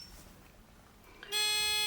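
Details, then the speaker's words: MEDUMAT Standard a emergency ventilator assist-function test: after one minute of no patient breathing, near silence gives way to a sudden loud, steady high-pitched acoustic no-assist alarm. "now we hear the acoustic alarm so this test is also okay"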